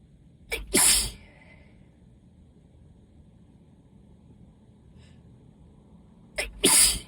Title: Waves of allergy sneezes